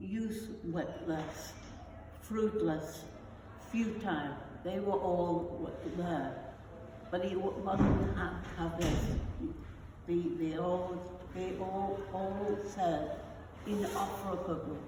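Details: Non-fluent aphasia after a stroke in an adult woman, with word-finding difficulty; non-fluent aphasia.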